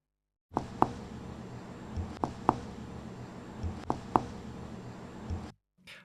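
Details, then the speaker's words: Flat percussion note demonstrated: three pairs of short, soft, high-pitched taps with no ring, the sound heard over bone or muscle. "flat sounds can be heard when percussing bone or muscle"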